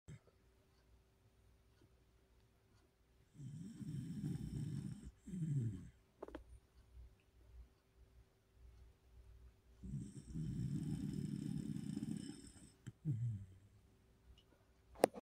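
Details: Ordinary snoring: two long, low rattling snores on the in-breath, each followed by a shorter snort, with quiet pauses between.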